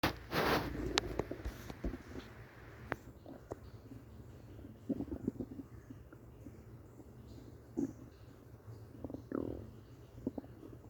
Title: Stomach noises